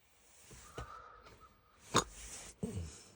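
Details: Drunk man knocked out asleep, described as hiccupping in his sleep: quiet breathing broken by abrupt, sharp catches of breath, gasps, sighs and snort-like bursts; gasping.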